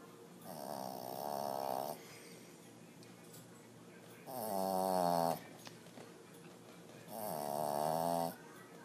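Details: Heavy snoring: three long, tonal, buzzing snores on inhalation, about 20 a minute, with quiet breathing between.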